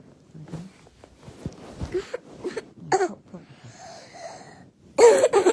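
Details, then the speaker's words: Real child with croup, a viral illness: harsh, barking, seal-like coughs between noisy breaths. "now let's have a listen to what croup sounds like in real children"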